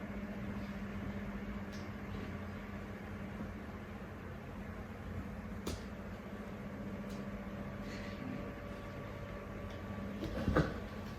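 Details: Simulated nebulizer therapy by a nursing student for a patient with pulmonary tuberculosis, seated semi-Fowler with a mask: steady low mechanical hum of the nebulizer compressor running, with faint room sounds.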